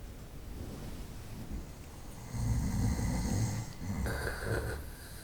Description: 25 minutos de ronquidos durante la noche. 25 minutes of snoring at night.